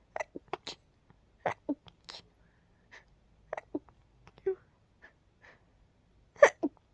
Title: Stifled quiet sneezes 🤧